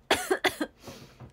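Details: Two sharp, dry cough bursts close together, then quiet breathing; frequent cough attributed to recently developed asthma, with no cold, fever or runny nose.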